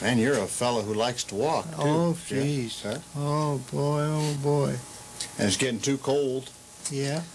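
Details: Adult male interviewer; normal speech.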